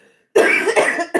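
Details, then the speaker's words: Woman with lupus and Jo-1 (antisynthetase) antibody lung involvement, a never-smoker: one harsh, slightly throaty cough burst under a second, then the start of another; chronic cough. "And lupus and the J Joe one antibbody affected my lungs. So, my lungs look like I smoke. And I have never smoked anything. anything. So that's why you'll hear me be um coughing and you'll hear tell people say get something to drink cuz they hear it."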